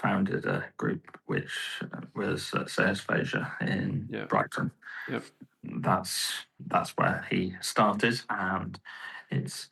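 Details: Adult male with post-stroke aphasia and right-sided weakness, about 15.5 years after the stroke; he initially could not talk and has improved yearly, and now cannot read or write but speaks reasonably well.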